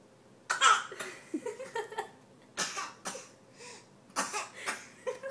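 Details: A young boy gives short, forced, playful coughs in bursts while playing with his sister. This is voluntary fake coughing, not illness; he will do it all day.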